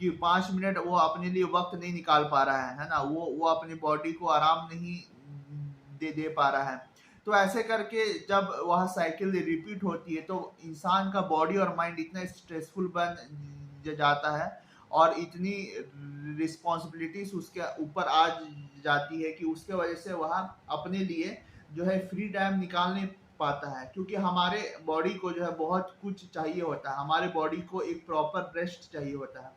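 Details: Stammering in a man who stammers and reports that it can suddenly worsen with isolation, depression, stress and heavy responsibilities.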